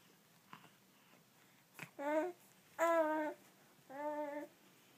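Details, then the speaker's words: A 19-week-old infant makes three short, voiced, cough-like sounds, deliberate fake coughing rather than a true cough. "No fake coughing, you faker. You monkey."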